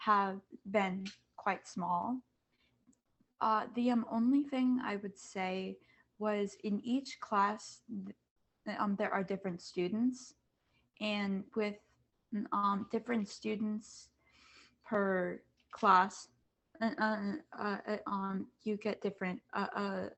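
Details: Student who stutters, speaking as a panelist among kids, teens and adults who stutter, back at school after online classes. Finding: stuttering.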